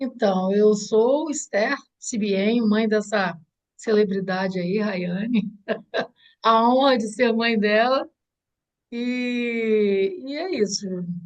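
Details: Adult woman speaking Portuguese; typical speech.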